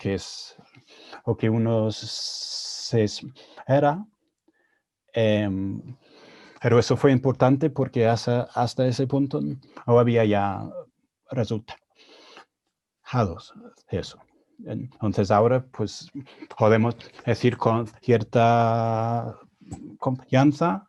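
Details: Adult man with stuttering, speaking Spanish, a second language he learned after moving to Spain at age 22; he reports his stuttering was more severe in Spanish.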